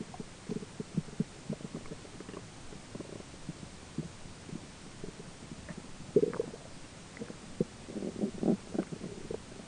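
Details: Human stomach grumbling during digestion, roommate talking in background: soft gurgles and rumbling bursts come and go over a low hiss, ordinary bowel sounds (borborygmi).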